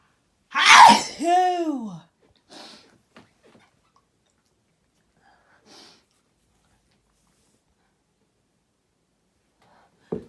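One loud explosive sneeze with a voiced, falling cry at its end, then quiet sniffs and small noises; an ordinary sneeze.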